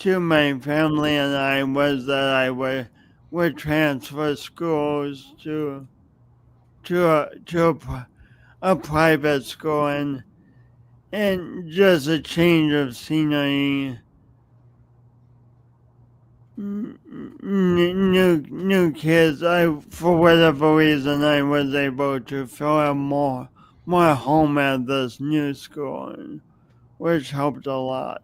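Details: Adult man with a speech impediment noticeable whenever he speaks, plus motor coordination differences, no specific diagnosis named; disfluent speech with word and part-word repetitions.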